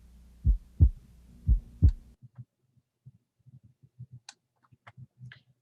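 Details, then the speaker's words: Teaching recording of physiological split S2: low heart sounds near 60 per minute, second sound splitting on inspiration, alternating inspiration and expiration; a normal finding. "again we heard a split s2 on inspiration so which of the following would be most accurate to describe a split two on inspiration"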